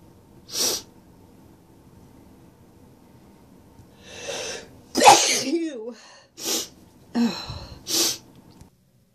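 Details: Several explosive sneezes from a person who says they are very congested today, with sniffles between them, one sneeze ending in a brief voiced groan; stuffy, congested quality.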